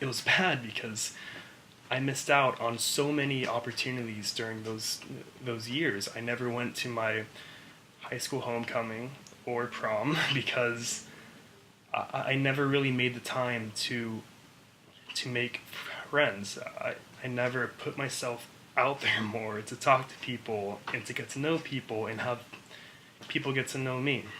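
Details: Adult woman who has stuttered her entire life and had weekly speech therapy through elementary, middle and high school, now stuttering openly; stuttering.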